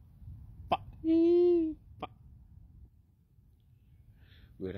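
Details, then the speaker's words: Person with Tourette syndrome: two sharp clicks bracket a brief steady high squeal, abrupt vocal tics. "so I have Tourette syndrome and I can't imagine the catastrophe that I would cause at that restaurant working there"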